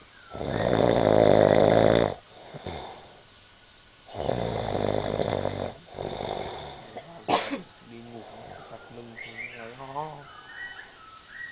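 Loud rumbling snores on breathing in, about two breaths in the clip, with softer noises and a brief sharp sound between.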